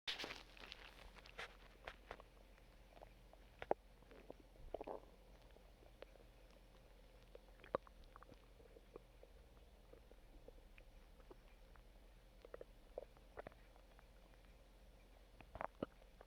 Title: Stomach Growling